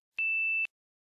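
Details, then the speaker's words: Compat enteral feeding pump low battery alarm: a single clean high beep of about half a second as the pump stops, sounding when it is not plugged in within 15 minutes after the low battery light comes on. "if the pump is not plugged in within the 15 minutes the low battery light will begin flashing and the alarm will sound and the pump will stop"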